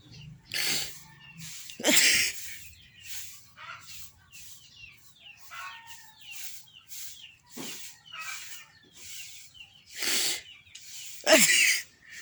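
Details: A series of quick sniffing bursts with several loud, explosive sneezes between softer aborted attempts: tickle-induced sneezing with false starts.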